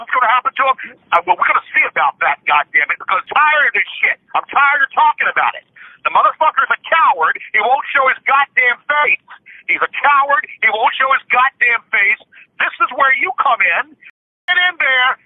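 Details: Man said to be on the autism spectrum with palilalia, involuntarily repeating words or phrases he has just said, mostly in spontaneous speech, especially when raging.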